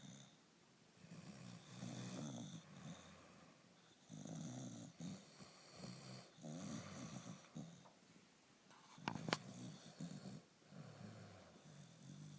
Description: This is so funny! Owner sleeping with pet snores alike!!!!